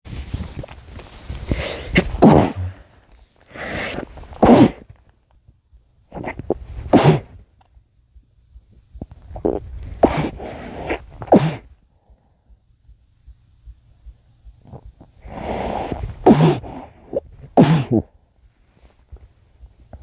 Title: muffled sneezes (m)